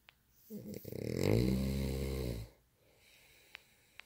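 One loud, rattling snore on a long breath in, lasting about two seconds, against a quiet room.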